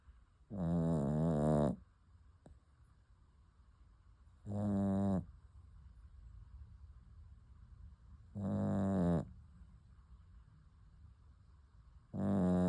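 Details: Slow, loud, rumbling snores about one every four seconds with silent pauses, from a sleeping puppy in a quiet room; snoring.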